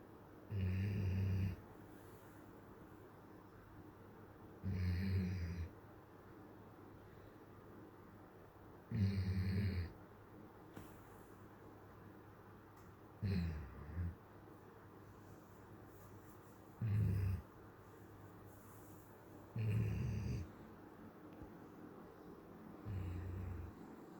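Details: Loud, low rumbling snores recurring about every three to four seconds, roughly 14 a minute, between quiet exhalations; snoring, faint, turn sound up.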